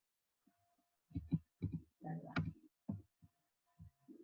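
Paired low thumps, a first and second heart sound in each beat, with a brief voice at the end; normal heart sounds.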